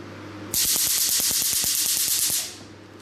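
Rapid sharp snapping pulses, about three a second, over a loud hiss: a picosecond laser firing at its highest pulse rate.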